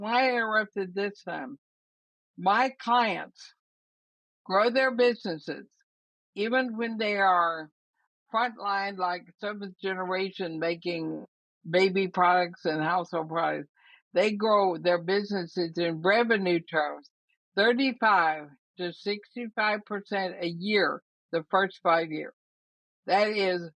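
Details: 80-year-old woman diagnosed with ALS (Lou Gehrig's disease), also affecting her breathing, who says she already has quite a bit of trouble speaking though still intelligible; dysarthria (ALS).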